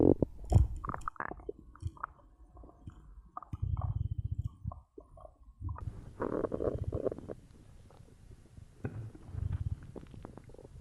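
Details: Own abdomen recorded for ASMR after drinking cola: irregular low gurgling and rumbling, ordinary bowel sounds (borborygmi).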